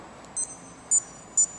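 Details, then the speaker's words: Timex heart rate monitor during kettlebell swing training, lower threshold set at 140: three short high-pitched electronic beeps over quiet background, the alarm that heart rate fell below the limit, signalling the next set. "start making a beep and sign like that which you can conveniently shut off because it can be quite annoying but when I'm training I leave it on and that's my cue to start my NE set"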